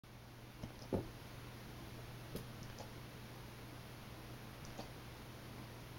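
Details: Hiccups in a pet resting after vigorous play: faint, brief soft clicks every second or two in a quiet room with a low hum.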